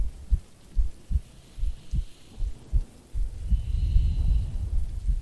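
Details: Soft low thumps at about 77 a minute, with rain and rumbling thunder rising behind them; a woman's normal resting heartbeat recorded for a sleep-aid role-play.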